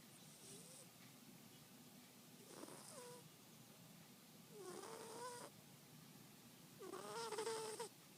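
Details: Male sleeper heard often while he sleeps: soft, regular snores with a faint whistling tone, about 28 breaths a minute; snoring.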